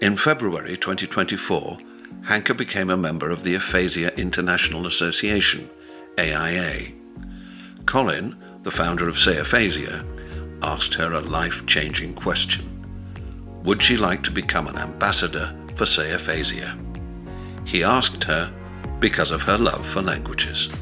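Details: Adult narrator; no speech disorder.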